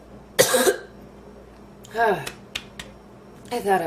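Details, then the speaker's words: Several harsh, strained coughs with short gaps between them; a woman's renewed coughing fit after inhaling part of a sandwich, painful, with a feeling of food still in her windpipe. "done and then i went right back into another coughing fit oh it hurts now i think i'm good"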